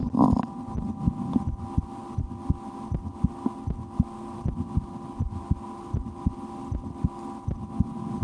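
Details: Own heartbeat recorded through a stethoscope for relaxation, at times holding breath or playing a game to raise the rate, after a restaurant lunch; steady dull thumps roughly 80 a minute with low hum and handling noise; normal heart sounds.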